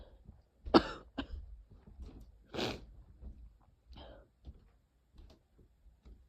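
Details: Person with a cold caught from a sibling: a few light, short coughs and throat clears with quiet breathing between, in a small room.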